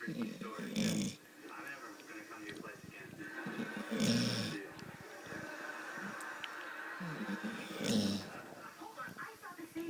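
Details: Sleeping yellow Labrador after a busy day running after horses: three rhythmic, rumbling snores in ten seconds, about 16–18 a minute, over faint background TV or room noise; snoring.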